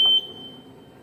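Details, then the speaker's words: Event Medical ventilator switched on by pressing the power button during setup/calibration: a single short, high-pitched beep followed by quiet hum; ventilator power-on beep. "চাপ দিলে দেখা যাচ্ছে যে মেশিনটি on হচ্ছে এটি হলো গিয়ে ইভেন্ট মেডিকেলের একটি ভেন্টিলেটর মেশিন"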